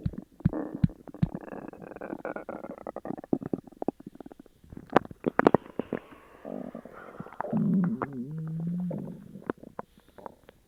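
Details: Loud borborygmi of an upset stomach after eating sugar-free gummies: drawn-out gurgling and rumbling with squeaky bubbling.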